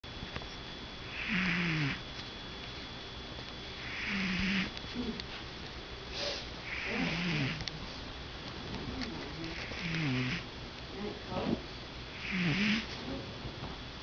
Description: Did you know cats snore???